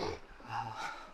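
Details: A man sleeping, snoring, heard while the speaker tries to stay quiet.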